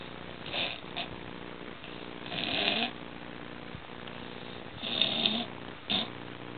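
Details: Man asleep after drinking alcohol, snoring very loudly, also said to have nearly choked on vomit while sleeping: rough, rattling snores of about half a second each at irregular intervals over steady background hiss.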